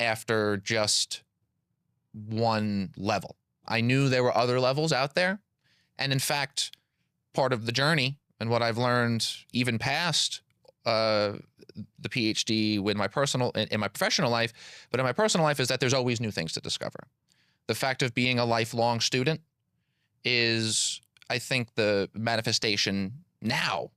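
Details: Adult man who has stuttered since childhood; audible repetitions of words and phrases, consistent with stuttering.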